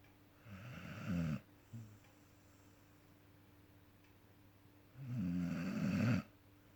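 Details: Snoring during sleep: two loud, rough, low fluttering snores about four seconds apart, separated by quiet.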